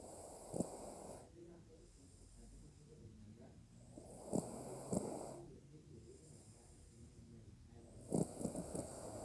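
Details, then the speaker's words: Low, rattling snores on each breath in, about 16 breaths a minute, with a soft hiss between them; snoring. "parece como roncas?"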